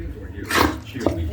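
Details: Dog aggressively sneezing with blood coming out: a single forceful wet sneeze, a sudden burst of air through the nose.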